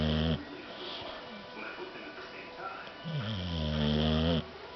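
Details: Long, loud, droning snores on the in-breath from a sleeping dog, with quieter stretches between; snoring.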